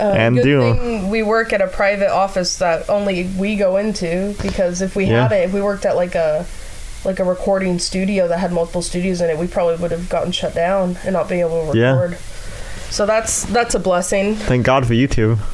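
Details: Adult speaker, conversational recording; typical speech.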